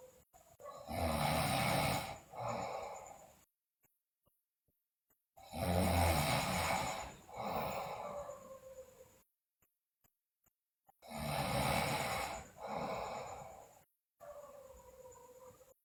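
Loud, rough snoring on each breath, about three cycles in fifteen seconds, with quiet pauses between them.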